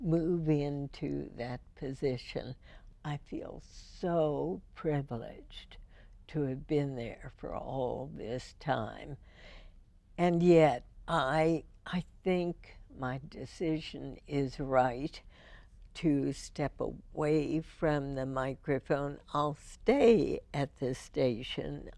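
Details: Adult woman (radio host) with spasmodic dysphonia first diagnosed in 1998, treated every four months with botulinum toxin injections into the vocal cords; her voice is described as imperfect; spasmodic dysphonia.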